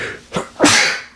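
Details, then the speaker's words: An adult on a podcast gives a single sneeze, a brief sharp intake then a loud, explosive burst of air; the co-host says "bless you" and the sneezer says they have been sneezing a lot. "oh, bless you. I've been sneezing a lot."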